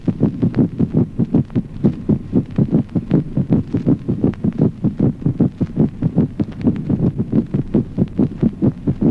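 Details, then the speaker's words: Mitral opening snap in rapid atrial fibrillation; with the fast succession of cardiac events, the protodiastolic gallop is barely perceptible. "Ejemplo 18. Yasquido de apertura mitral en la fibridación rápida. A consecuencia de la sucesión veloz de los fenómenos cardíacos, el ritmo de galope protodiastólico es apenas perceptible."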